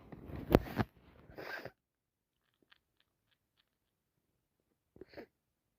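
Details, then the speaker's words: Sneezing with a bad head cold: one forceful wet sneeze then a shorter second burst, quiet with a faint sniff; unbearable nasal tickle, dripping nose, sneezed about 30 times that day. "I'm so sick. I need to sneeze again. I need to sleep. The tickle is unbearable."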